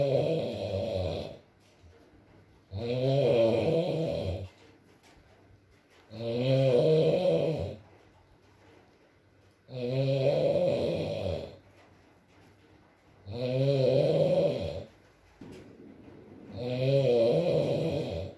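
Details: Adult man (boyfriend) snoring during sleep, with loud regular rumbling snores on each breath, about 18 a minute, and quiet gaps between.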